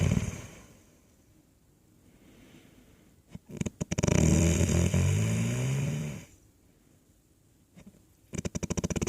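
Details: Loud, low, rattling snores with quiet pauses between breaths: ordinary snoring during sleep.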